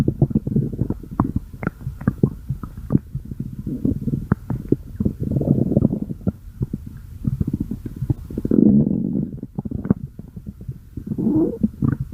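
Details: Stomach growling (borborygmi): continuous loud gurgling and rumbling with bubbly pops from the belly.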